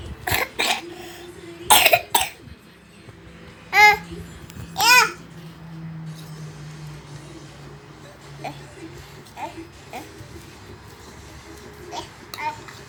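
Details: Child coughing: several short, sharp coughs, some in quick pairs, with a few quieter sounds and faint room noise between them; cough.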